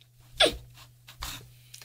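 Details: Adult woman with Tourette syndrome and OCD, whose tics worsen when tired or stressed, recorded late at night; hiccup-like vocal tic.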